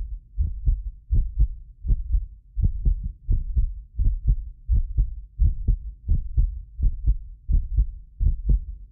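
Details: Heartbeat of a self-described medically fit person, recorded with several precision contact microphones: regular low thumping at about 85 a minute; occasional doubled clicks come from overlapping microphones with a 6 ms delay. Normal heart sounds.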